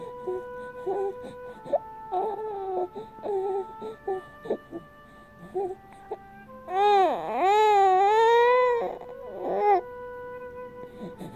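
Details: 2.5-month-old boy held by his father, briefly waking after finger sucking: soft whimpers build into one longer wailing cry, then settle, lullaby music behind; infant cry.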